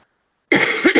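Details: After a brief silence, a short harsh cough in two quick bursts with no wet rattle: a dry cough, with a still-running nose, on the first day of feeling better after illness.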